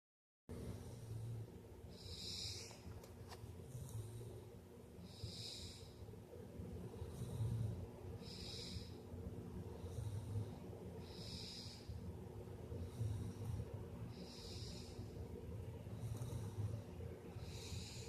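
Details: A 3-year-old child snoring: soft rhythmic noisy breaths with a snuffly, snorting quality, about 25 breaths a minute, over steady room hum.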